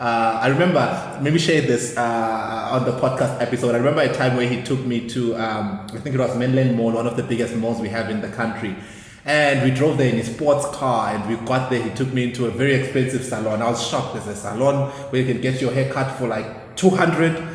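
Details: Adult male speaker; normal speech.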